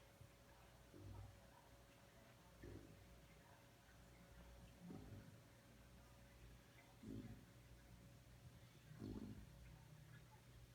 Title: Bilou is snoring